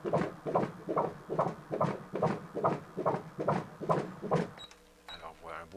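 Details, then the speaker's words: Ultrasound of a third pregnancy, heart seen beating in the fetal chest: fast, regular whooshing fetal heartbeat at 142 beats per minute, normal within 120–160. "rythme cardiaque rapide, régulier. C'est tout à fait normal. Il boit actuellement 142 par minute, ce qui est normal."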